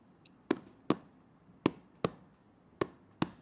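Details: Cardiac auscultation challenge case with jugular venous distension and hypotension: faint, distant S1 and S2 at about 52 beats a minute; muffled (hypophonetic) heart sounds.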